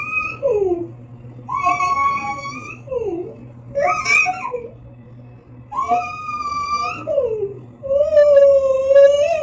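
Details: Rising and falling wails in repeated bursts with breaths between, a baby crying; a sound-effect recording.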